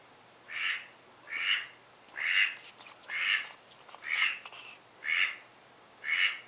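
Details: Small pet bird gives seven short, rasping, evenly spaced bursts, about one a second, like repeated coughing; owner unsure whether something is wrong or he is swallowing little head feathers.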